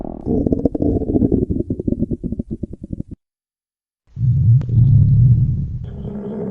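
Rapid bubbling, gurgling pulses, then a pause and a low rolling rumble: stomach growling.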